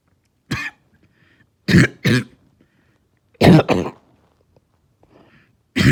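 Harsh, hoarse coughs, mostly in pairs, about six in all, with a deep barking quality.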